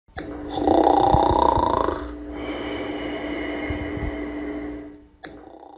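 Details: A 54-year-old woman, a snoring contest finalist, snoring in her sleep: one long, loud, rough rattling snore with a rising tone, then a steady droning rumble, ending abruptly.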